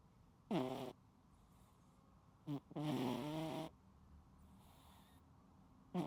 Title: 失眠有救！聽完一起睡著🐱貓主子全程療癒鼾聲～無剪輯可愛記錄|My Cat Snoring LOUDLY 😴 Unedited Video of The Cutest Sleepy Sounds